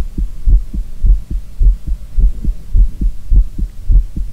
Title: Will you listen my real heartbeat sound? 콩닥 제 리얼콩닥 심장소리들어봐요 ASMR [NO TALKING]